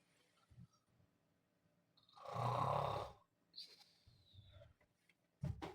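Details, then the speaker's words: Person snoring, disturbing a bed partner who complains: a loud, rough snore lasting about a second, with softer breathing noises and faint room sounds. "Si vas a dormir conmigo, deja de roncar. Deja de roncar si vas a dormir aquí."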